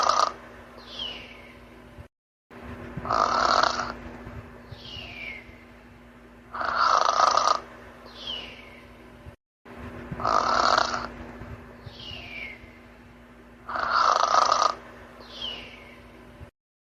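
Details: Sleeping cat snoring softly and regularly, about four breaths in the clip, with a low steady hum behind; normal sleep snoring.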